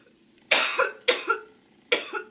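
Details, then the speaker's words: Girl with a smoker's cough: three harsh coughs, each with a rough throaty catch, after saying smoking really gets her. "Smoking really gets me."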